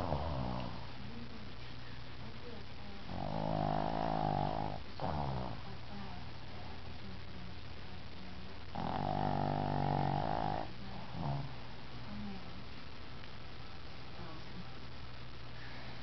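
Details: Dog in a deep afternoon nap snoring: two long, low, rattling breaths about six seconds apart, each followed by a short grunt, over a steady hum.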